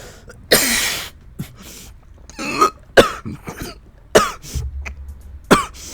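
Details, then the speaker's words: Adult with a broken rib that hurts on every cough, amid a suspected coughing virus: five or six harsh, throaty coughs and throat-clearing sounds in quick bursts from a lingering cough. "yeah still suffering from that broken rib man does it hurt every time I cough which by the way I don't know if anyone has experienced this yet or known anybody that's kind of going through this there's a weird virus going around a weird coughing virus"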